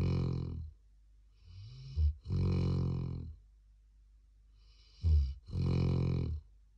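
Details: 13-month-old black Labrador sleeping and snoring: deep, rattling snores, each drawn breath followed by a softer exhale, roughly 19 breaths a minute.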